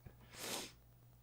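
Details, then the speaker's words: A cat's single loud, short, wet, hissing sneeze, with faint room hum behind it. "oh my God did you hear how loud she sneezed"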